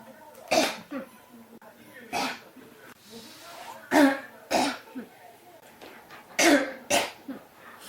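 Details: Persistent cough, tagged with pneumonia: six harsh coughs in about eight seconds, some in quick pairs, with quiet breathing between.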